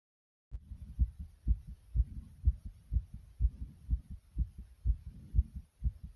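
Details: Loud, fast, regular pounding heartbeat at about 125 beats a minute after jumping exercise; rapid heartbeat after exercise.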